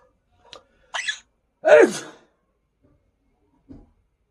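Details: Quaker parrot imitating a human sneeze: a few short chirps, then a sharp sneeze-like burst.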